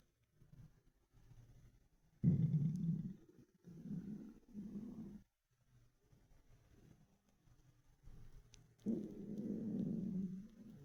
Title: Ravenous stomach rumbles